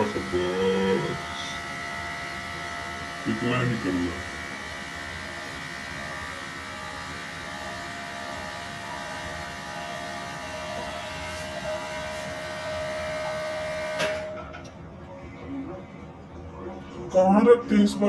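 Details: Steady high-pitched whine of a dental drill running for about 13 seconds during root canal treatment, with brief talk before and after.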